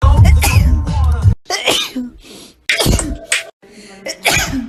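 Several sharp, explosive bursts with quick inhaled catches between them, separated by brief pauses; repeated sneezes.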